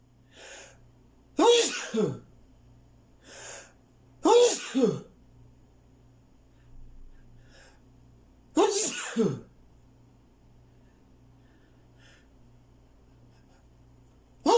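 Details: Repeated sneezing: three forceful sneezes, each after a quick indrawn breath, with softer breaths and sniffs between them in a quiet room with a faint hum.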